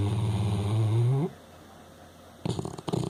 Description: My dog Frankie snoring really has to be seen / heard to be believed!